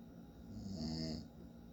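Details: A single rumbling, buzzy snore on an in-breath, rising and fading over about a second, from a sleeping adult man; snoring.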